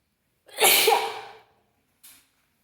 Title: Wet sneezes Africa.